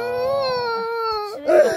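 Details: Infant crying: sustained, high, tonal cry ending in a louder, rougher burst.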